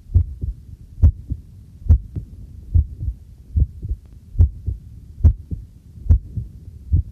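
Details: Own heartbeat recorded with a homemade field stethoscope microphone while doing housework: steady, regular normal lub-dub at about 71 beats a minute, with faint tap water and tableware noise behind.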